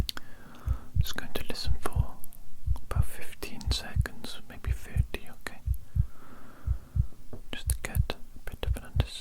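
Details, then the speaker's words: Simulated ASMR physical exam: stethoscope on the chest over clothing, steady low heart thumps at about 60 a minute under soft whispering, judged very steady and strong; normal heartbeat. "sounding very very steady indeed which is great and quite strong as well good strong steady heartbeat there"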